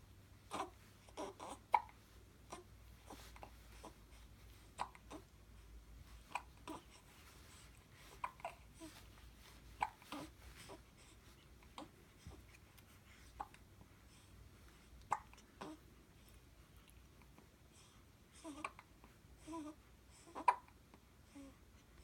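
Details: An infant hiccups repeatedly, with short sharp catches of breath and soft baby sounds in a quiet room.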